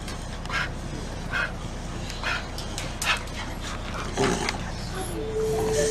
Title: Reverse Sneezing Dog